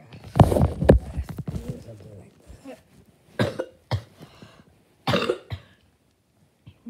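A few short, harsh cough bursts with throat clearing and brief voice sounds; coughing during an illness with a sore throat.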